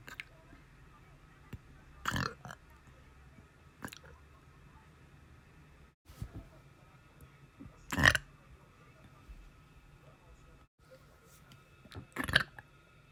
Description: I can’t stop burping.